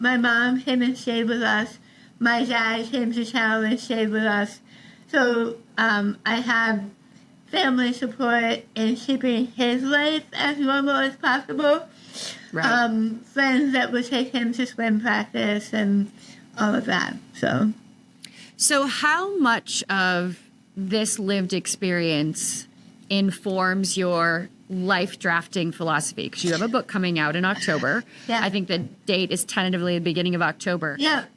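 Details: Adult woman about 3 years after stage 4 tongue cancer treatment: over half of tongue removed and rebuilt with forearm skin graft, neck dissection, 6 weeks of radiation and chemotherapy; altered speech since treatment, sometimes not understood by strangers; altered articulation after partial glossectomy.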